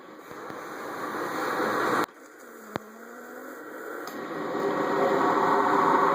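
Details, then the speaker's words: Baby using a cough assist machine on her own: steady rushing air builds, cuts off abruptly, then rises again. Mechanical insufflation-exsufflation (cough assist) cycle. "So to anyone who thinks that their baby won't get used to using the cough assist, begs to differ."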